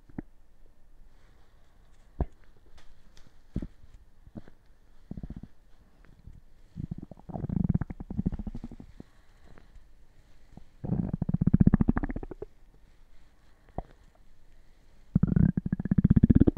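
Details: Irregular low gurgles and rumbling bursts from the stomach with scattered clicks; ordinary gut movement sounds, borborygmi.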